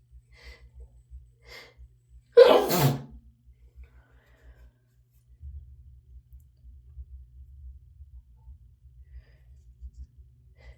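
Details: Adult with a probable head cold, dog allergy and allergies worsened by hormones, sneezes provoked by strong sneeze-inducing snuff: light sniffs, then one big forceful sneeze, then quiet room noise.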